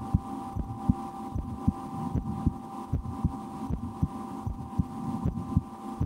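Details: Own heartbeat recorded through a stethoscope for relaxation, sometimes holding breath or trying to raise the rate, with a loudly digesting stomach after lunch: soft regular beats about 77 a minute over steady hum and faint rustle; normal heart sounds.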